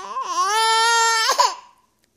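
One loud, sustained wail from an infant that trails off: an ordinary infant cry.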